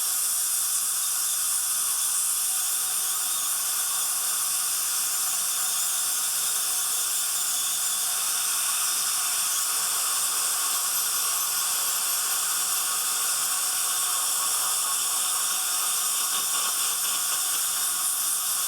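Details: Ultrasonic scaler during a dental cleaning of a patient with stain and tartar, removing stain from a tooth: steady high-pitched hiss with faint whine and water spray.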